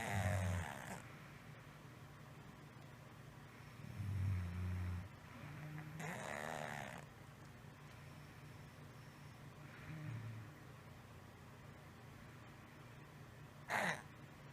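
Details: A 6-year-old female cat has had a low, rattling snore from the throat on each breath for a month, mostly at rest or asleep, at the top of inhalation, often mouth-breathing, unchanged after 3 weeks of antibiotics: stertor.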